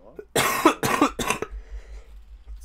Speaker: Sorry, stream, I'm coughing.